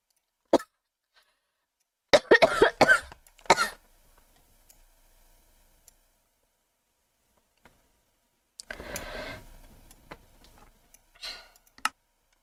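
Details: Girl coughing, unwell lately with a cough she says won't go away: single cough, then rapid burst of four to five harsh coughs, later a breathy cough and throat clearing.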